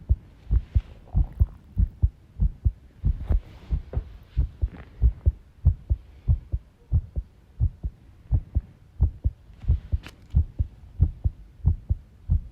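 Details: Heart sounds recorded by the person themselves while tidying a room, with arrhythmia noted: heartbeats around 90 a minute with uneven spacing between some beats, an irregular rhythm, and rustling background noise.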